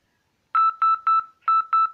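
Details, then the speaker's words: OpenSeizureDetector demo: a Bangle.js smartwatch is shaken to simulate seizure-like motion, and a second phone running the SMS Annunciator app sounds a loud alarm of five short, evenly spaced beeps until the alarm is accepted. "rather than just getting the ordinary beep for a text message we're getting a rather aggressive noise and press the accept alarm and that will quieten it down"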